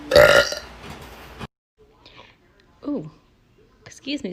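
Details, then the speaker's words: Young woman burping in a TikTok compilation, then saying "excuse me": a long, loud, rumbling belch, short voiced sounds, and a brief second burp-like sound. "me, sorry, that was gross."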